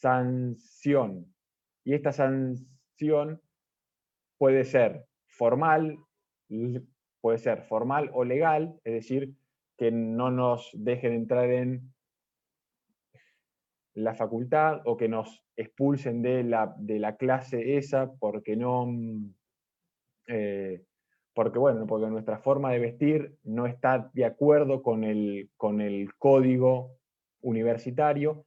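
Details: Stuttering in a male first-time participant from Argentina at a stuttering practice group, giving a deliberately unprepared presentation because he reports current problems with his spontaneous speech.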